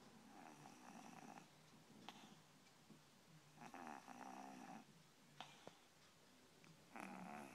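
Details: Kitten snoring while sleeping with a laptop as a pillow: soft, rough snoring noises recurring with each breath, with a few faint clicks in a quiet room.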